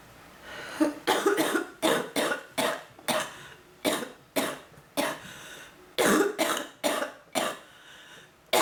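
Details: Woman with bronchitis, on medicine and oxygen, with pounding head and mid-back pain: about fourteen harsh coughs in close fits with brief breaths between; bronchitis coughing fit.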